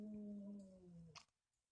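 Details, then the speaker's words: Dogs snoring in the background of a quiet room: a single drawn-out, low droning breath that fades away. "And you, you hear these dogs snoring back here? It's a crazy snore town around here."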